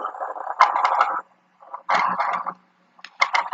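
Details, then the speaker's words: Lung auscultation in pulmonary edema with interstitial fluid: popping, bubbling crackles through each breath phase, like bursting bubbles of water in the lung. "parecem bolhas estourando que isso caracteriza é uma característica de como se tivesse água mesmo dentro do pulmão"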